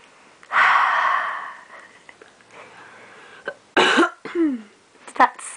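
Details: A dog gives a harsh, breathy cough-like huff, then a few shorter bursts: a reflex cough set off by a bad smell.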